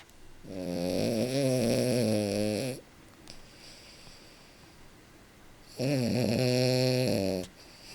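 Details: A French Bulldog napping on a couch gives two long, loud, rattling snores with a buzzing, strained tone, separated by a quiet pause; his usual snoring.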